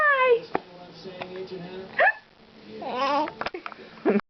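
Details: Young girl who has the hiccups copies an adult's hiccup sounds and laughs: a child's voice with a few short, sharp, hiccup-like gulps mixed into vocal sounds, an imitation of hiccups rather than true ones.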